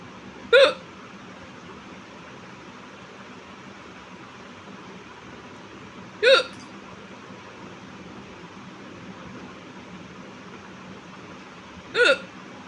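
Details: Loud, sharp hiccups, three about six seconds apart (roughly ten a minute), over quiet room noise, from a woman with ongoing hiccups.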